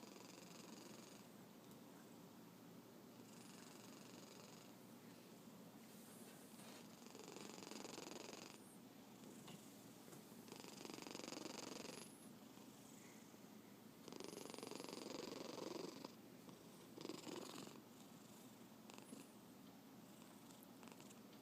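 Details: Black cat snoring softly while asleep, with rhythmic rasping noise on each breath in a quiet room.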